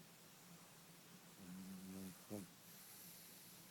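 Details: Snoring in a pug: a single low, buzzing snore under a second, ending in a short snort, over steady room hiss.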